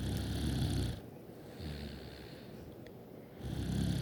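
Loud, rumbling, low-pitched snores on the in-breath, with a quieter pause and a weaker snore between them. Snoring during sleep.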